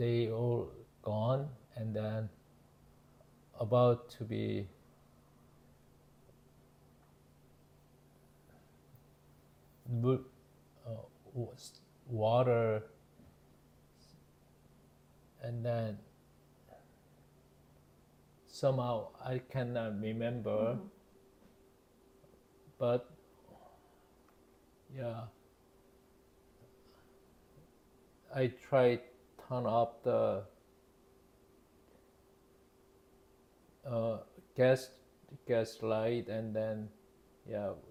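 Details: Man, 52 at his September 2023 ischemic stroke from spontaneous left carotid artery dissection damaging left-hemisphere language areas; initially global aphasia, now Broca's (non-fluent, expressive) aphasia with word-finding difficulty; Korean first language, speaking English; Broca's aphasia.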